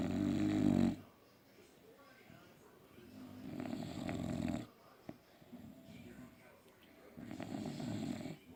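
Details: Loud, rough, rattling snores of a few seconds each, separated by quieter breathing, from sleeping flat-faced bully dogs: heavy snoring.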